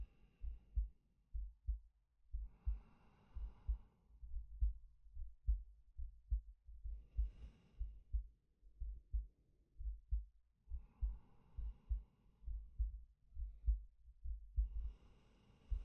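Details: Male ASMR sleep-aid recording of a soft, regular resting heartbeat at about 67 beats a minute under slow, calm breaths in and out; normal heartbeat with breathing.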